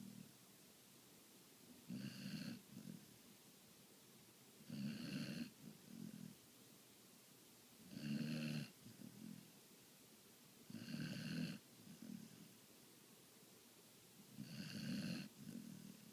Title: Snoring Willow